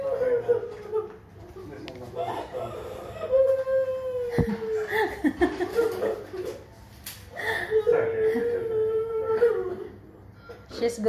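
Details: Nearly 6-year-old girl whimpering and crying in high, wavering wails during a blood draw, with brief adult talk and reassurance in the room; distressed child crying.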